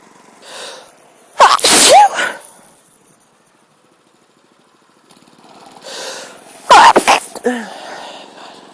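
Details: Sneezing fit outdoors in a park on a sunny breezy day, likely from a cold, possibly mild tree pollen allergy: two forceful sneezes five seconds apart, each after a building in-breath.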